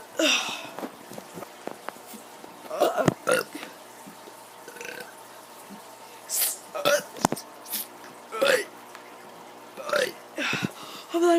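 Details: Child voluntarily producing about six or seven short, throaty belches spaced through a quiet room; burping.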